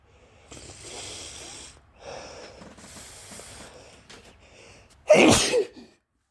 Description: Had to cut the other recording but started a new one right after while I was still sneezing from the dust.